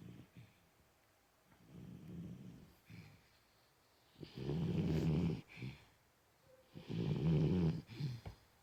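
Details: Sleeping Cocker Spaniel dog after a tiring day, low rumbling snores repeating with each breath with quiet pauses between; dog snoring.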